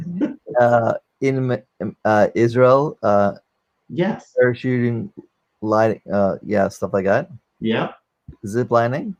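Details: Aphasia in a 44-year-old man after a stroke during heart valve surgery, with loss of use of one arm.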